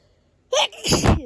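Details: Sharp intake then a forceful explosive sneeze in a quiet room from an adult resting in bed with hay fever, reporting nasal discharge and dryness.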